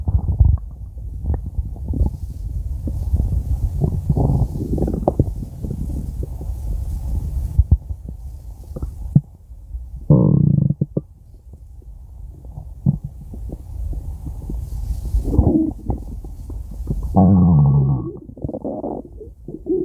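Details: Stomach growling (borborygmi): low rumbles with scattered gurgles and a few squeaky growls over quiet stretches, ordinary bowel sounds.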